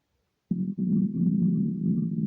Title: empty stomach rumbles without mic